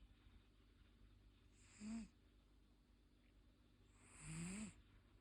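Two slow, soft snoring breaths with a faint whistle, each lasting under a second, over quiet room hum. Ordinary snoring in a sleeping cat.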